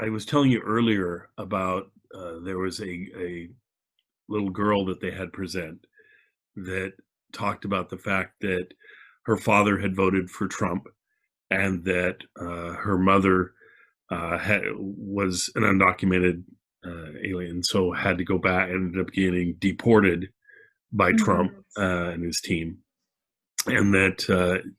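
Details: Adult male speaker; ordinary speech.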